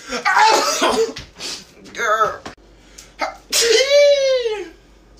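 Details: Sharp explosive sneezes, one ending in a long drawn-out voiced cry, with brief room noise between.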